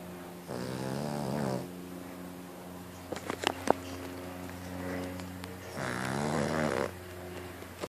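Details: Snoring during a daytime nap: two long, buzzing, rattly breaths in a quiet room with a few faint clicks between them.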